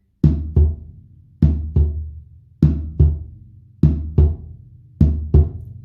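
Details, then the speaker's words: Simulated on a snare drum for teaching: paired tum-tum beats, S1 (atrioventricular valve closure) then S2 (semilunar valve closure), normal heart sounds, about 50 cycles a minute. "Cuando uno se escucha el corazón, escucha tum-tum-tum. Bueno, es esto. Cierre de auriculoventriculares, cierre de válvulas sigmoideas."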